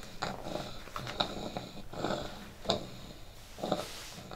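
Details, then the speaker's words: Young child born extremely premature at 27 weeks with bronchopulmonary dysplasia and dyskinetic cerebral palsy: constant noisy, rattling breaths with coarse bursts on both breathing in and out. "was born prematurely, as a result of which he had bronchopulmonary dysplasia expressed in constant rattling."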